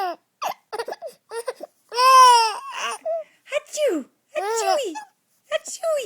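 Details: 3.5-month-old infant: short high-pitched wails and whimpers in bursts; infant cry.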